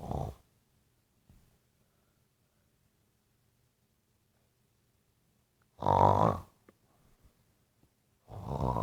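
Loud, rough, low-pitched snores separated by long quiet pauses, about three in nine seconds: snoring.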